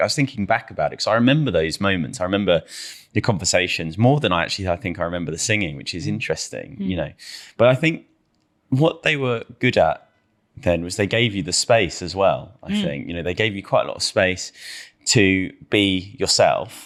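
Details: Adult man speaking; normal fluent speech.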